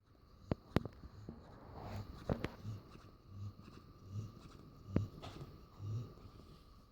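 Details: Soft, low rhythmic snoring, roughly one breath every 0.9 seconds, with a few sharp clicks in a quiet room, from a frequent snorer who sometimes blows foam bubbles while dreaming.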